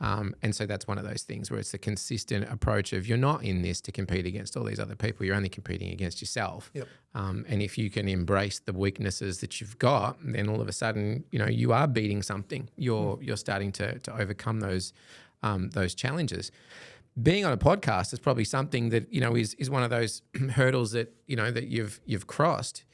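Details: Adult male speaker; conversational speech.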